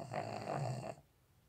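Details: Snoring so loudly it is likened to a tractor: one loud, rough, rattling breath about a second long, then quiet; a snore.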